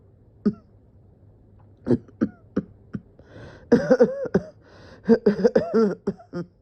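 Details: Person coughing and feeling dizzy, thinking they might pass out: repeated short coughs building into a rapid run of harsh voiced coughs, a coughing fit.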